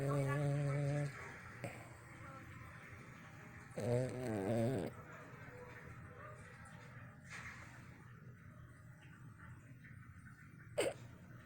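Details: Dog named Yogi asleep: loud, rattling snores on its breaths, with quiet room noise between; eyes twitching, briefly wakes for a TV alarm then falls back asleep.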